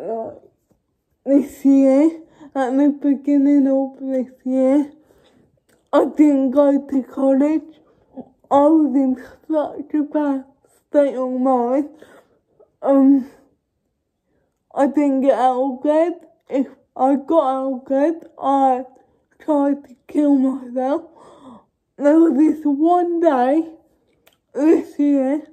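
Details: Young woman who states she has cerebral palsy, speaking spontaneously (real, not acted); dysarthric speech in cerebral palsy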